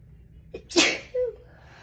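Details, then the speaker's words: Single sharp, high-pitched sneeze, deliberately attempted high-pitched, from an adult female with dust allergy and a stuffed, tickling nose: short intake of breath, then a brief voiced trail. "Oh God, it feels so good to sneeze. Ow. Oh God. Oh, this feels so good."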